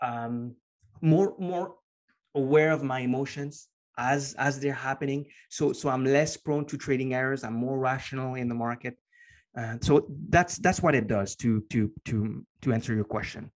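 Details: Adult man with a stutter present for as long as he can remember, long a major life challenge; after years of consistent meditation practice he has more control and it is now barely audible; stuttering.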